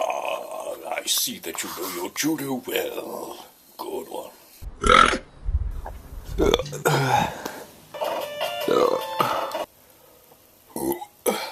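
Several loud, low, rumbling burps mixed with talking and background music. Repeated belching.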